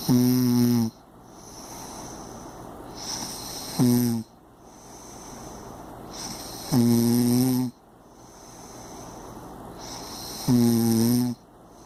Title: Ronquidos impresionantes